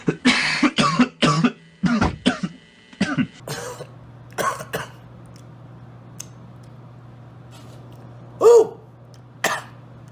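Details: A run of harsh coughs and throat clearing, then a few more single coughs over a low steady hum; a smoker who mentions running out of cigarettes.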